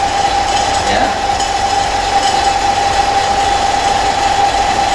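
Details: Suction machine running during a demonstrated airway suctioning procedure to clear the airway: loud, steady mechanical drone with a constant mid-pitched whine. Each catheter suction pass lasts no more than five seconds.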